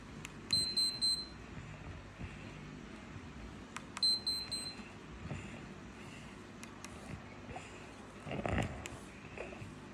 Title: How to change alarm settings on infinity pump